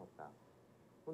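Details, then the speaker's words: Simulation of what a person with moderately severe age-related hearing loss hears: faint, muffled speech with the crisp high sounds missing. "소리가 아주 작곡 특정 음은 아이의 풀리지 않습니다"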